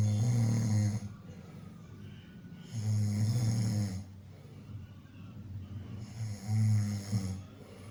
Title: #Funnysound | Snoring | குறட்டை ஒலி